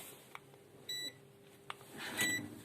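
Two short high electronic beeps over quiet room noise, the signal of a thermometer taking a temperature reading.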